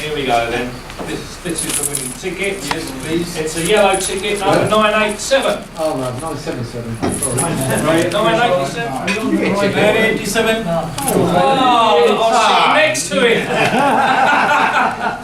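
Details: Adult male who has stammered since primary school; the stammer controlled his life by his mid-40s; he now uses a Starfish Project breathing technique and still stammers daily, though much less: stuttering.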